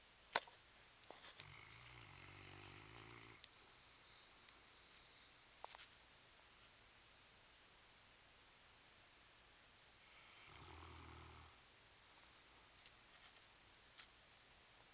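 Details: Two soft, low, fluttering snores about eight seconds apart in a quiet room; he reportedly snores louder but stops when the camera approaches; mild snoring.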